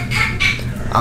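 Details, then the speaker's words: A just-born baby girl crying at about 7:23 in the morning, taken as hunger: short, high-pitched cry bursts over a steady low room hum; newborn crying. "tired cuz as you can hear the baby crying and all that we didn't get really get that much sleep"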